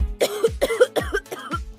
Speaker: sedang batuk Tahukah anda bahwa saat ini anda berpotensi menyebarkan ribuan hingga jutaan kuman ke udara